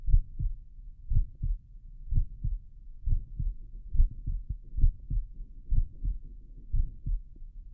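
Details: Heart auscultation with a stethoscope, patient in left lateral decubitus position: steady paired lub-dub heart sounds at about 63 beats per minute.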